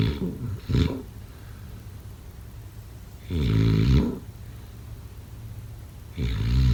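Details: Snoring during sleep, sound-effect/ASMR recording: loud, vibrating, growling snores about three seconds apart, roughly 19 breaths a minute, over soft background noise.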